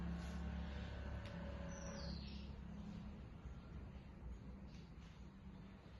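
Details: Digital automatic blood pressure monitor cycle after pressing start while leaning back: steady low pump hum, slowly fading; reading 126/73, heart rate 83.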